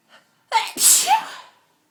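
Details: A sharp intake of breath, then one loud explosive sneeze with a voiced tail, triggered by inhaled pepper while cleaning up a smashed pepper pot.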